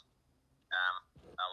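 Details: Electrolarynx speech after laryngectomy, using a handheld vibrating device held against the neck as the sound source, with a robotic sound.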